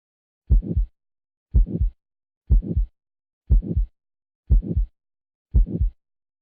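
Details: Six regular low lub-dub double thumps at about 60 a minute: normal first and second heart sounds (S1, S2).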